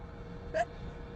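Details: Hay fever sneezing fit while driving: one short, sharp sneeze burst over steady car noise, part of a run of repeated sneezes.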